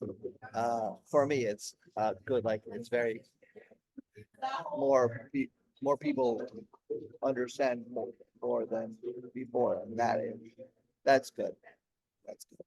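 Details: Aphasia with word-finding difficulty in an adult man, 16 years after a stroke during heart valve surgery; at first he could say only one word for about a year.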